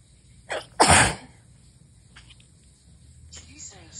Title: 1/6/23, STRONG sneezes with gf blessings